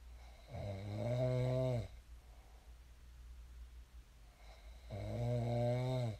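Two loud, low, rattling snores on the in-breath, about five seconds apart, with quiet breathing out between them; ordinary heavy snoring.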